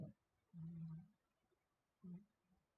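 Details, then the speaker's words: Sleeping dog snoring with low, buzzing rumbles in three short bursts over a quiet background; he snores a lot and is dreaming, sometimes barking softly under his breath. "snore at least we know he's warm and comfy but if you can hear him he's just he's just having a little bit of a dream he snores a lot and has those puppy dreams where he's kind of barking to himself under his breath it's very cute"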